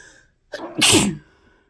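A short intake of breath followed by one loud, explosive sneeze. A single ordinary sneeze.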